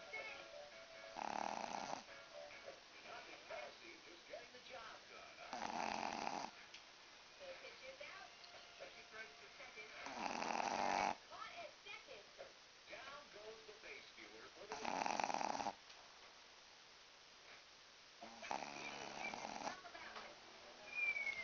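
Loud rattling snores recurring about every four to five seconds over low room noise, typical dog snoring.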